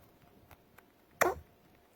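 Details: Small pet eating apples and dandelions gives a single short, sharp cough mid-meal after a couple of faint chewing clicks; a repeated cough while eating.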